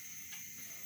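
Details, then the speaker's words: Steady high-pitched hiss from a home oxygen cylinder after opening the valve with a wrench, regulator flow set to 1 litre per minute for emergency backup supply; hiss continues until the gauge drops into red; oxygen cylinder hiss. "it will continue to hiss until this needle gets down into the red"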